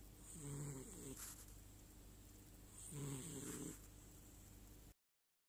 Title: My black cat snoring Kalu Dec 18